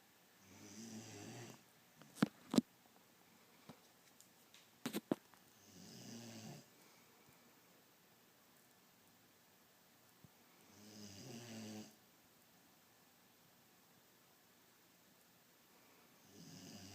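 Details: Beagle snoring while asleep: soft snores about every five seconds, roughly 12 per minute, with a few sharp clicks in between.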